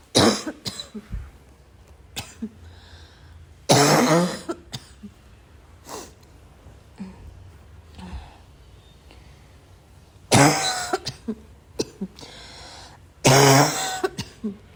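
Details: Wheezing barking cough: four harsh, forceful coughing bouts with short throat-clearing sounds between, rough barking quality, wheeze not clearly heard.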